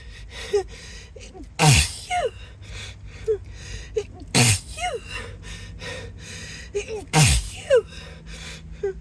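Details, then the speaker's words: Acted sneezing fit, announced beforehand ("I need to sneeze") with apologies; the person later suspects an allergy. Three loud sneezes in quick succession with gasping breaths between, over soft background music. "wait wait sorry hang on I think I think I need to sneeze hang on yeah yeah sorry I'm"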